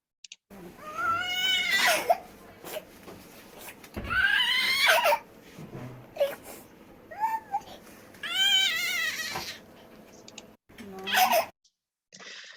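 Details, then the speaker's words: Infant with a laryngeal web (membrane) crying: short, high, thin, strained mewing bursts, a characteristic dysphonic, cat-like cry. "Acá les voy a pasar dos audios de dos chicos con membrana llorando para que vean que el llanto es bastante característico, es un llanto bien difónico, parece el llanto como si fuera de un gato."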